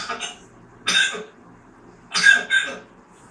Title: parrot sneezing amazing